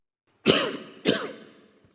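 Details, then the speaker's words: A man coughs during a live-broadcast speech at the Shenzhen Special Economic Zone 40th anniversary ceremony, his fourth bout, about 2 seconds long, followed by 7–8 seconds of throat clearing: two quick, harsh, dry coughs with a trailing throaty rasp. "약 2초간 이어진 기침 기의 잠시 멈췄던 다시 7에서 8초간 목을 가다듬고 나서야 겨우 말을 이어갈 수 있었습니다"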